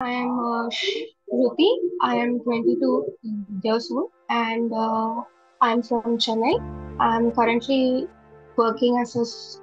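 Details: 22-year-old speaker who stammers, likely recorded before a stammering training programme; stuttering.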